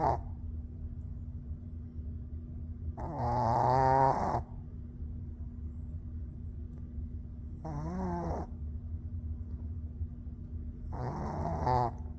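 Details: Loud dog snoring: low, rattling snores repeating about every four seconds, roughly 15 per minute, over a steady hum.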